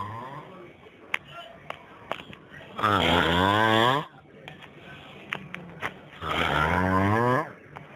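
Two loud, rattling, buzzy breaths about three seconds apart, typical snoring, with quieter clicks and breath noise between.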